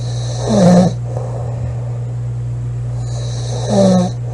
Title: Loud girl snoring July 23 2017